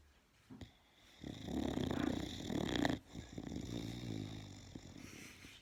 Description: Funny snoring boxer wakes up 😁